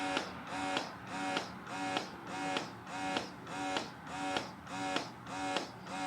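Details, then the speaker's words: Electric breast pump demonstrated by a woman 35 weeks pregnant, cycling through its modes: steady, rhythmic motor buzzing rising and falling about 100 times per minute, described as quiet; electric breast pump running. "You hold the on button and it comes right on. It's good noise wise. Say if baby was sleeping and I wanted to start it up."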